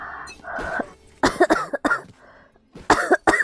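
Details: About five short, harsh coughs in quick bursts from a girl who says she has a cold and is coughing a lot, with faint video-game sounds in the background.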